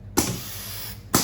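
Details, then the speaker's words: A basic automatic mechanical ventilator built from an accessory on a standard resuscitator, with adjustable respiration rate (8–26), I:E ratio and tidal volume and a 40 Pascal safety valve. One cycle: a mechanical clunk, a sustained hiss of gas flow, then another clunk. "So actually we've created an automatic basic mechanical ventilator."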